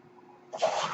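A quiet pause gives way to a sudden rushing hiss of air, the delivered breath of a mechanical ventilator.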